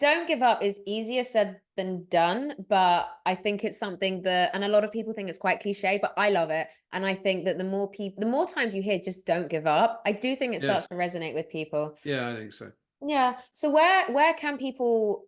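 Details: Adult woman speaking; normal speech.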